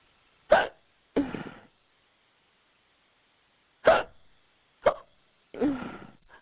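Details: Woman in a fictional roleplay recording: five brief, abrupt voiced catches at uneven intervals in a quiet room: hiccups.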